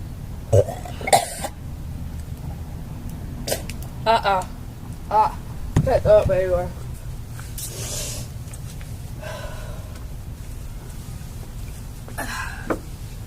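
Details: Girl belching: several loud, throaty voiced belches with brief talk and laughter between them in a room; repeated burping.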